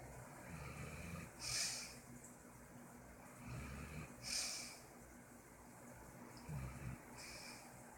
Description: Snichelfritz is snoring while he naps on the couch